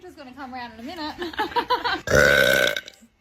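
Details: Brief talking, then a woman's long, loud, deliberate belch lasting nearly a second; burping.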